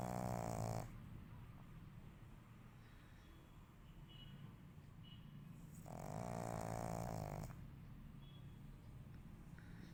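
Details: Sleeping black pug: two loud, rattling snores about five seconds apart with quiet breathing between; a small dog snoring in its sleep.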